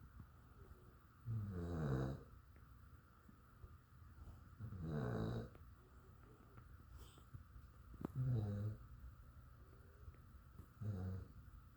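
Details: Snoring during sleep: four low, rumbling snores on inhalation, about every three seconds, over a steady background hum.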